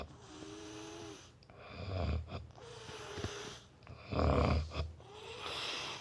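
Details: Man snoring during sleep: soft tonal whistling out-breaths alternating with deep rattling, snorting in-breaths, about one cycle every two to three seconds; irregular snoring.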